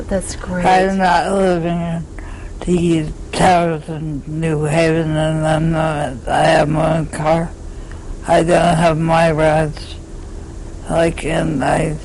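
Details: Adult woman diagnosed with inherited Huntington's disease about eight years earlier, with dementia and loss of motor function; she says she has no speech: dysarthria due to Huntington's disease.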